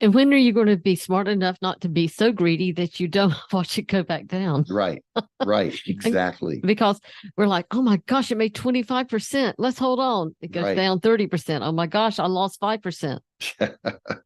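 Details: Adult speech, possibly two speakers in conversation; ordinary conversational speech.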